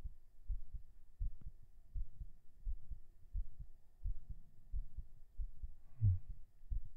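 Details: Normal heartbeat recorded binaurally right after 37 push-ups during a strength-training session.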